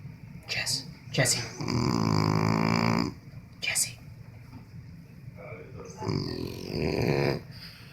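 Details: Sleeping dog with loud, rough, rumbling breaths and snorting bursts between; snoring.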